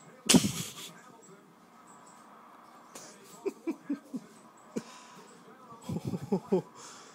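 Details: Baby with hiccups; short, abrupt catches of breath recurring in a quiet room with small vocal sounds between them. Infant hiccups.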